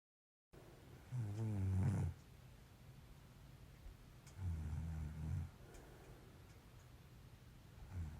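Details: Person snoring, unaware they snore: two low, rumbling snores a few seconds apart over steady background hum.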